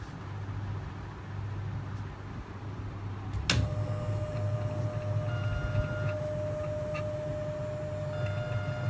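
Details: Prototype surgical drill drilling through pig ear: low motor rumble, then sharp onset and steady high whine.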